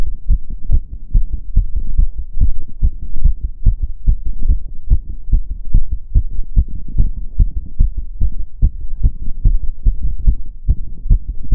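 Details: Own heart sounds during step-up exercise (stair-stepping); quick, steady low thumps following closely on one another; rapid heartbeat with exertion.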